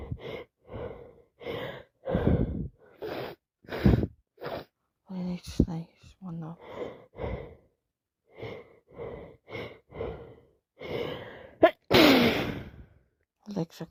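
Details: Person ill with a cold, nose dripping and face wet, making repeated wet snorts and sniffs, sighs and one forceful spraying sneeze; sneezing and snorting with nasal congestion.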